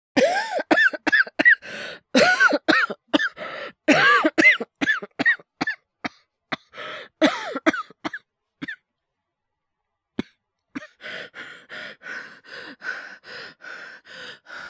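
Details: Acted, simulated coughing by a male voice performer, no dialogue, portraying illness and hyperventilation: rapid clusters of short, harsh coughs, then a pause and gentler rhythmic breathy coughs; a performed cough, not a real illness.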